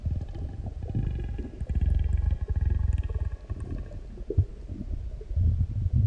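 Continuous deep, low growling and rumbling with bubbling gurgles: loud bowel sounds after a large meal.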